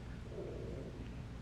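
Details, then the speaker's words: Woman's stomach rumbling from hunger before eating. "stomach is rumbling if you can hear that I need to eat a little something before we start the podcast today"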